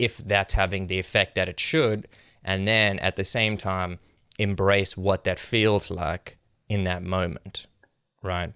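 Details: Adult male speaker; ordinary speech.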